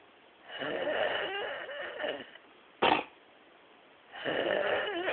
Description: a man snoring on the couch